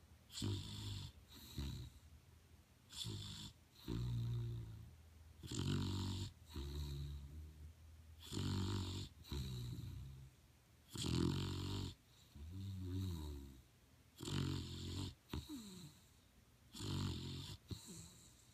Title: The snoring pit bull